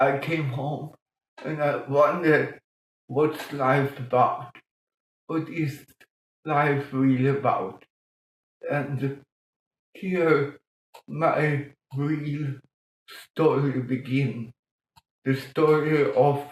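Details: Adult man born 1958 with mild cerebral palsy from lack of oxygen at birth; speech later improved through music-aided breathing changes; dysarthria (cerebral palsy).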